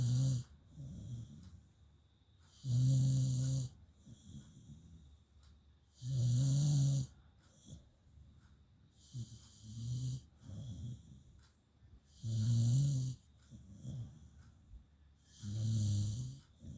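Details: Loud, low, rattling snores about every three seconds with quieter breaths between, roughly 18 a minute, from a female; ordinary snoring.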